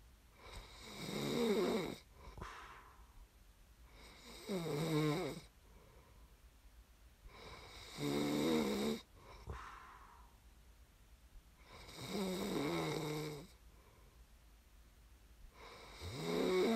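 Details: Snoring recording made as sleep ASMR: loud, rattling inhaled snores about every four seconds, with quiet breathing between; adult sleep snoring.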